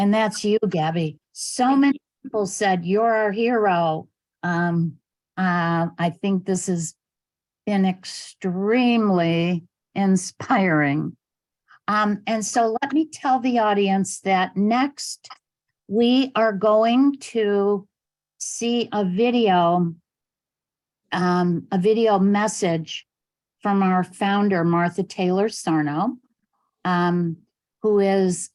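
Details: Adult woman; normal speech.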